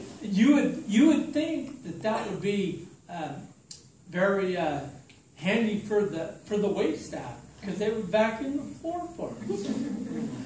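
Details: Adult man with slowly progressive, evolving ataxia diagnosed in 2003, affecting his speech, writing and balance, giving a talk at an ataxia support group; ataxic dysarthria.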